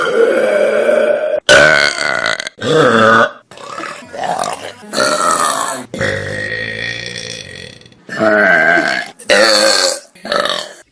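A run of loud, long, voiced belches, about eight separate burps with brief gaps between them.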